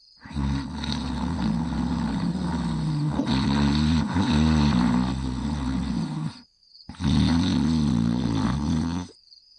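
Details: Sleeping and snoring: two long, loud, rumbling, rattling breaths with a short pause between them; heavy snoring.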